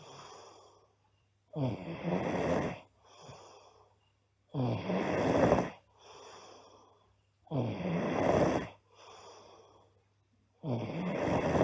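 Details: Girl snoring loudly: rough, rattling inhalations alternating with softer breathy exhalations, about 20 breaths a minute; heavy snoring.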